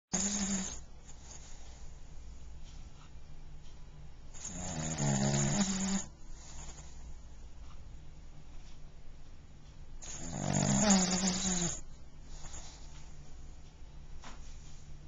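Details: Pug snoring with loud rattling snores every five to six seconds, about 11 a minute, and quiet breathing between; recorded with a Flip Video camcorder.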